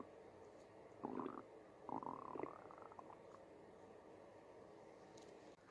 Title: stomach growling in Backstage (Part 1)